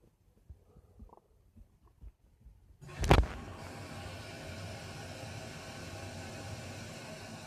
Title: My Stomach Making Noise 2